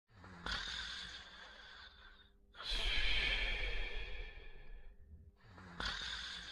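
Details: Long, loud noisy breaths in and out, each a few seconds, with a rough snorting quality; snoring during sleep.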